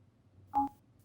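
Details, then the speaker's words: Getinge Servo-u ventilator pre-use check power test, unit unplugged: a single short two-pitch electronic beep over quiet room hum; expected power-loss alarm tone. "to perform the power test simply unplug the unit listen for the audible tone and plug the unit back in"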